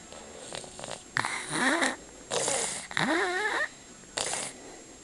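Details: Child's breathing during a cold, recorded for the pediatrician: noisy, congested snoring breaths with rough fluttering and squeaky whistling tones on several breaths.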